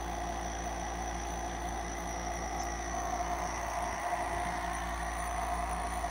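Steady mechanical hum and whir of a running nebulizer compressor, with no breaks.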